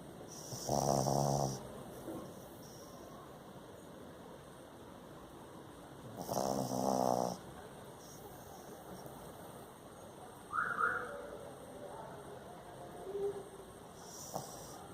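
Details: Sleeping Shih Tzu snoring: rattling, fluttery snores about every five seconds, with a faint steady hum in the background.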